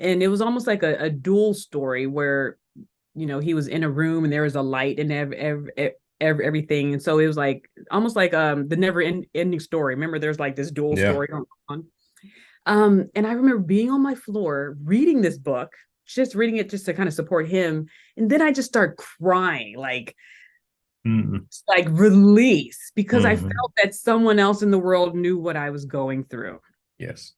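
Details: Adult woman who still stutters today, speaking in a podcast interview: stuttering.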